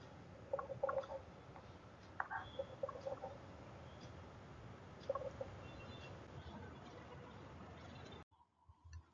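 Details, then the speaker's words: Pediatric chest auscultation: clusters of low, bubbling pops over a steady hiss, coarse crackles (crepitations) from air passing through secretions collected in the bronchi. "now here course repetition it resemble like bubbling sound"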